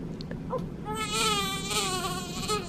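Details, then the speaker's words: Newborn baby girl on her first day of life in hospital: a thin, wavering cry after a few soft fussing sounds, with faint room noise; an ordinary newborn cry. "You don't know any different though. Don't cry, it's okay. We'll pay for it."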